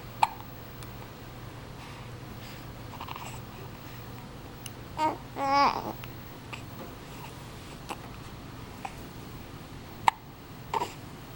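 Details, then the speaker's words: Infant hiccups: sharp, brief hiccup clicks between the baby's soft babbling and chatter in a quiet room. "You don't like those hiccups, huh? You don't like those hiccups?"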